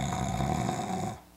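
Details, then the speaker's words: Adult imitating snoring on purpose while wearing a nasal anti-snoring device, showing snoring arises from the oropharynx/upper airway: one short, rough, rattling throat snore. "Can I snore with it? Most snoring comes from like back here, upper airway and your oropharynx"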